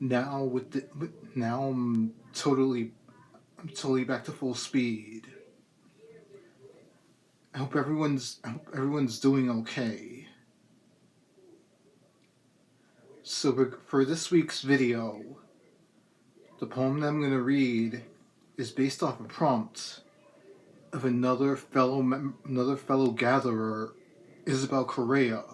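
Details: Adult male poet reading his own poem, with a lifelong speech impediment that is a complication of cerebral palsy. Hesitant, stop-start stuttering and stammering persists despite speech therapy through elementary, middle and high school. Dysfluent speech (stuttering) with cerebral palsy.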